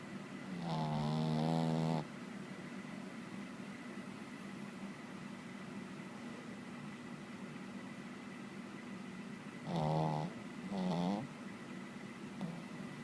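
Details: Snoring: three loud, rough snoring breaths in about 13 seconds, separated by quiet pauses, against a faint steady room hum.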